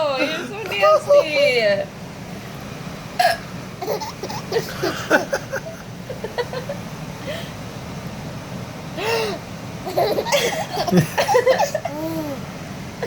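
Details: Adult mother hiccupping while feeding a child: repeated abrupt voiced hiccups mixed with laughter and background chatter.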